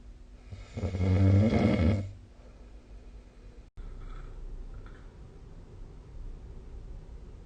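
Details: Snoring recorded with the SnoreLab app: one loud, low, rattling snore on an in-breath, then quiet breathing against room noise.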